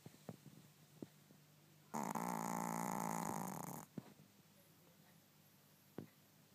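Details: A pet Pomeranian dog asleep gives one long, rattling, vibrating snore of about two seconds between quiet breaths, with faint television news in the room: snoring.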